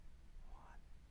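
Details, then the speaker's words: Chest auscultation for whispered pectoriloquy while the patient whispers "one two three": a brief, faint, indistinct whisper over low rumbling noise. This is a normal result with no consolidation suggested. "whispered voice is usually heard faintly or indistinctly if at all clearer louder sounds suggest underlying consolidation"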